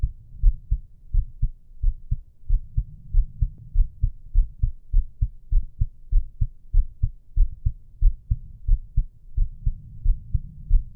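Steady, regular low thumps of a heartbeat with soft breathing in the background; a normal resting heartbeat.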